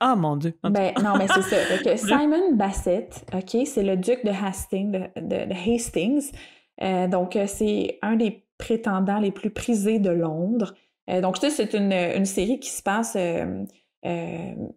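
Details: Adult woman speaking French; normal speech.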